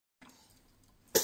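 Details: One sudden sharp sneeze after a quiet room hush, from a small infant whom the owner calls "my baby."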